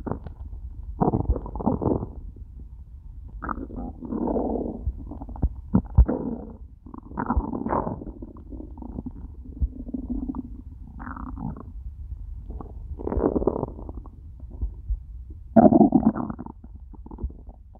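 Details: Loud, low gurgling and rumbling bursts coming and going over several seconds, from a person who ate nothing all day, stomach starting to hurt by the end of the recording; hunger borborygmi.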